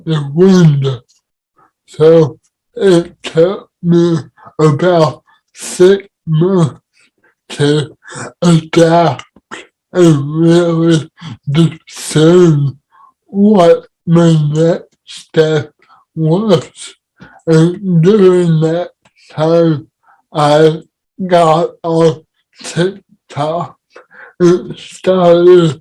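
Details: Dysarthria in an adult man with cerebral palsy, heard in real conversational speech.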